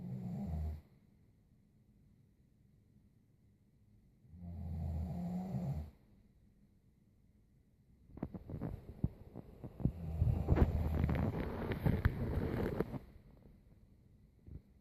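Low, rattling snores recur every few seconds during breathing in, separated by quiet pauses, with some rustling noise later. Ordinary snoring.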